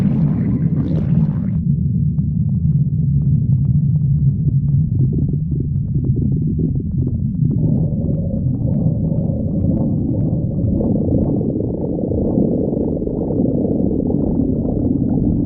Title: Sticks the badger stomach growling 32